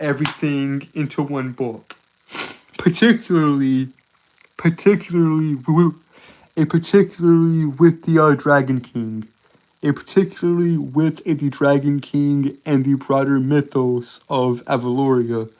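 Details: Stuttering with word and phrase repetitions in a male streamer who reports a speech impediment that makes him stutter and trip over his words.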